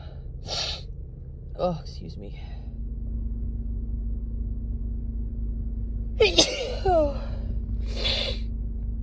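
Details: Allergy sneezes in a female, mostly triggered by dust allergies, compiled over about a week: a few sharp sneezes, some with a quick breath in first, mostly singles with a couple of doubles, over low room hum.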